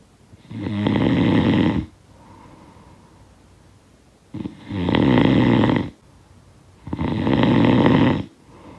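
Three harsh, rumbling snores on the in-breath, each about a second long, with soft breathing between. Repeated snoring, from a sound-effect recording.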